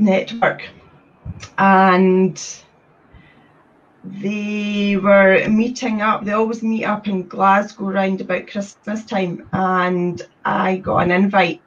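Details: Adult woman who stutters (stammers) and serves as a trustee of a Scottish stammering support network; stuttering.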